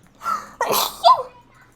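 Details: A quick indrawn breath, then one sharp explosive sneeze with a short trailing sound, with music and chatter, from a sneezing compilation; an ordinary single sneeze.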